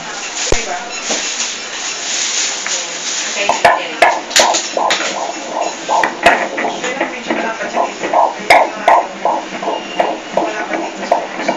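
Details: Pregnancy ultrasound with baby head-up (not yet turned): rapid rhythmic whooshing pulses of fetal heartbeat on Doppler, roughly 160 a minute, with room noise; fetal heartbeat.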